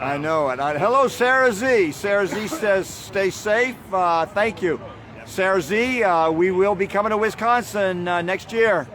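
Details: Adult man speaking; normal voice.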